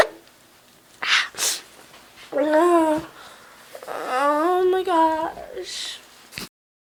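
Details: Person in sneeze mode, with voice going high: quick gasping breaths leading into drawn-out, voiced, wailing sneezes, loud and theatrical in a small room.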